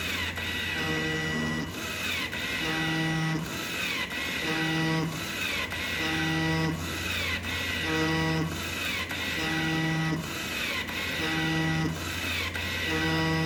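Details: Home-built non-invasive ventilator running without a mask attached: steady motor hum with a repeating tonal hoot and whine about every two seconds from the extension tube, which stops once the mask is on a patient.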